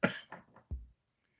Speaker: maybe I'll do Live reviews if my throat wasn't scratchy right now